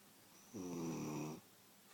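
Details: A single drawn-out, rumbling nasal snore lasting just under a second from a sleeping Beagle, in a quiet room; the owner says it gets louder than this.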